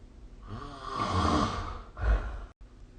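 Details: Snoring during sleep recorded with the SnoreLab app: one drawn-out, rumbling, vibrating inhalation followed by a short grunt.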